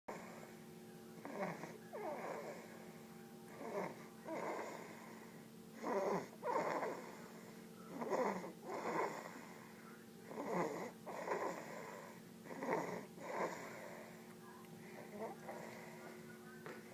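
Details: Soft, rhythmic snoring from a sleeping young child lying on his father, about 26 breaths a minute, over a steady room hum.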